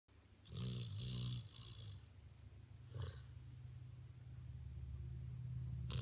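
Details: Yellow Labrador puppy, napping after hard play, gives a low rumbling snore over a steady low hum, followed by quieter breathing; snoring in a sleeping dog.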